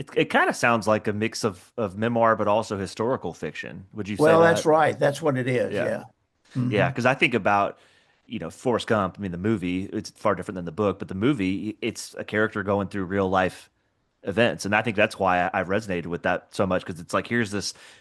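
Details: Adult men in conversation; ordinary conversational speech.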